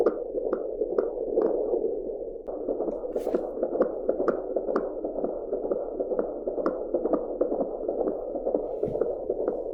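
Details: Fetal heartbeat recorded with an Angel Sounds home fetal Doppler and trimmed to heartbeat sound only: rapid, rhythmic whooshing pulses at about 130 per minute over a steady hiss.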